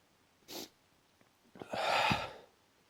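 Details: A sharp breath, then a strong explosive sneeze, one of a run of repeated strong sneezing the person says they cannot stop.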